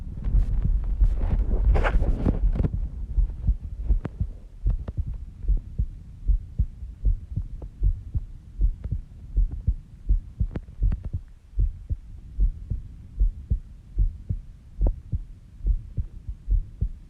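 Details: Own heartbeat recorded during sleep at 5:30 am, described as slow at about 70 bpm; steady low heart thumps, a calm, regular, normal resting heartbeat.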